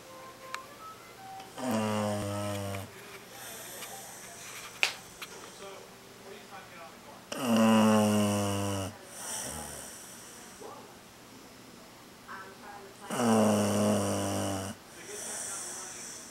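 Loud, rattling, rumbling snores with a whistling edge, about one every five to six seconds, with softer exhalations between, from a sleeping dog.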